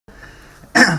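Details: A man has a coughing fit (quinte de toux) while speaking in public, the cough linked to wearing his mask; he then rubs under his nose with his left index finger.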